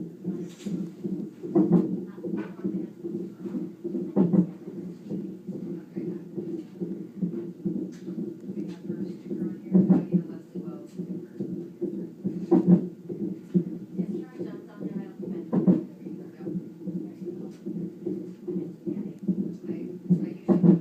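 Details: An infant's short, sharp hiccups recurring every few seconds over a steady low background hum.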